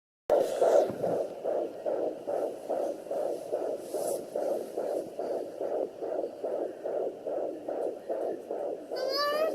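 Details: Fetus at 19 weeks 4 days on a Sonoline B handheld Doppler, moving a lot so the rate readout was off; rapid regular whooshing pulses about 140/min with a scraping burst at the start: fetal heartbeat.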